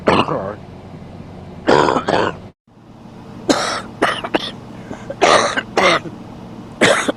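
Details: Adult man coughing; several harsh cough bursts with throat clearing, some in quick pairs, over steady low room hum.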